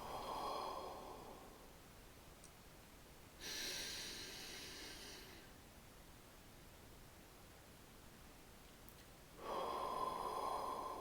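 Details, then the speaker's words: Physiotherapist demonstrating ACBT thoracic expansion in real time, hands on outer ribs: slow deep breaths in through the nose, three-second hold, out through the mouth; deliberate deep-breathing exercise. "we then repeat our thoracic expansion exercises hands on the outer ribs long breath in through the nose hold for three seconds and breathe out through the mouth"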